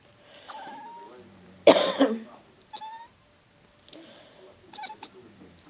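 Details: A single loud, harsh adult cough in a quiet room amid soft cat meows and chirps; the cat dislikes it when someone coughs.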